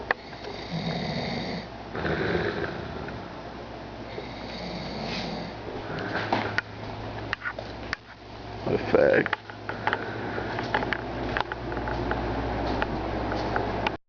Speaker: snoring like a terrorist.